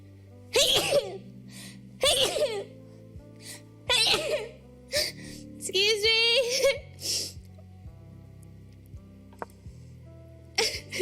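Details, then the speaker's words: Cheerful Asian female streamer, warning she has to sneeze while gaming, gives four sharp, forceful, high-pitched sneezes in quick succession, with a voiced exclamation between them, over background music and game sounds. "Why do my sneezes sound like I'm saying I hate you?"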